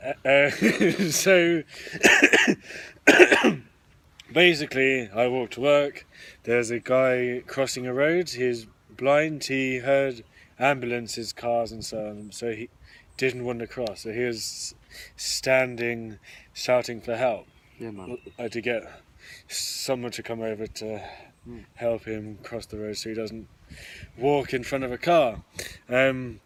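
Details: Adult male who stammers, speaking while stammering: stuttering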